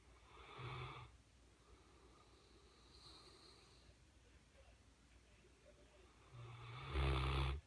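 Deep, rumbling snoring noises at the start and end with quiet breathing in between, from a sleeping large dog.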